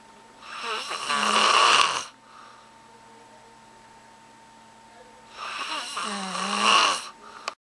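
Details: Loud, annoying snoring: two loud, harsh, rattling snores on breathing in, about five seconds apart, with quiet pauses between; heavy snoring.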